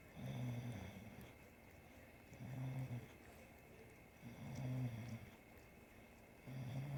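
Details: Sleeping Bulldog being licked by a three-legged cat: loud, rhythmic low rumbling snores, about 29 a minute, with quiet gaps between and faint room noise. Snoring.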